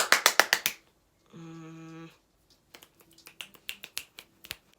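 Rapid bursts of sharp finger snaps with a brief held vocal tone between them, fitting Tourette motor tics.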